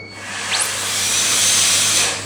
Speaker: can see it it removes tooth structure so it's runs at a high speed you can see that all the black mark is gone